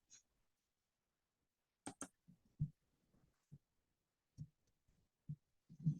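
Soft, low heart thumps at about 65 a minute with no murmur between them: normal heart sounds.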